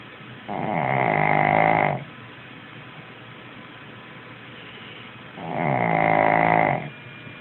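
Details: 11-year-old Shih Tzu snoring: two long, loud, vibrating snores about five seconds apart, with quiet breathing in between.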